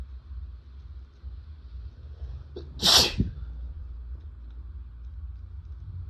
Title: Triple Sneeze I have a cold(M)